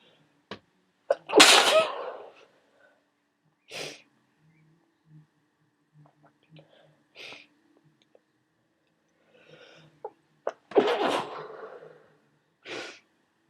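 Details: Person with a cold who has taken a decongestant: two loud, explosive, wet sneezes with short breaths and sniffs between them.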